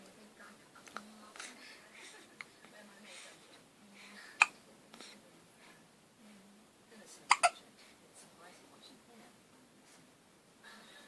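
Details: Several short, sharp catching sounds at uneven intervals over soft breathing and whispered sounds; hiccups.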